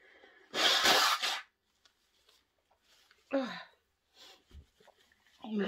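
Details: Woman deliberately sniffing pepper to provoke sneezes, then blowing her nose: one loud explosive sneeze followed by quieter sniffs and breaths; induced sneezing.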